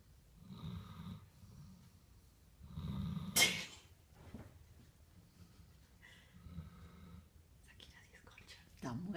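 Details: German shepherd snoring during a nap: soft, rumbling snores on repeated breaths with a brief snort, in a quiet room.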